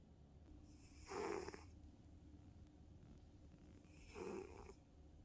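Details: Sleeping female tabby cat: two soft, rasping snores about three seconds apart with a faint whistling edge over low room hum; snoring.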